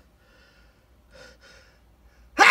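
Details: Male: quiet shaky gasping in-breaths building up, then the start of a loud burst, within a run of repeated sneezes.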